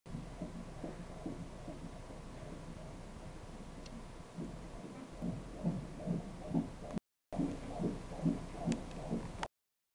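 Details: A fetal heartbeat from a first pregnancy on Doppler ultrasound gives rapid, rhythmic whooshing pulses at about 140 beats a minute.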